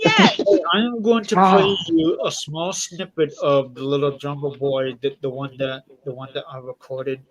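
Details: Man speaking with his jaw wired shut and a tracheostomy in his throat; he says these make him sound like a foreigner; altered speech with jaw wired shut and tracheostomy.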